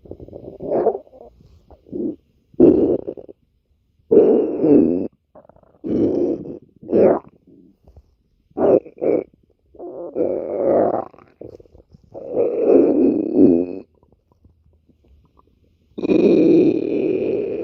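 Irregular gurgling, rumbling bursts from an adult's stomach, separated by short quiet gaps: ordinary bowel sounds.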